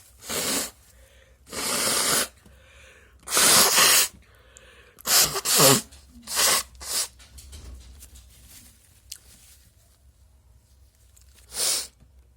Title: some induced sneezes